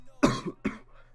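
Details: Cough.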